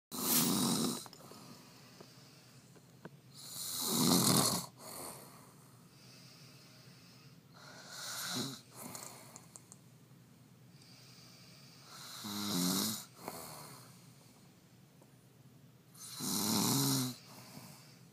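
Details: Woman snoring at 4 a.m. in unaltered, unenhanced audio: loud rasping snores every few seconds, about 16 a minute, with quiet breathing between them; ordinary snoring during sleep.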